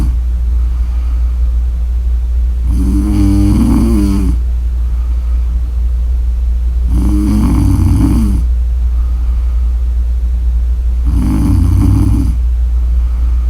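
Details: Snoring audio: three loud rattling snores on the in-breath, about every four seconds (about 14 a minute), over a steady low hum.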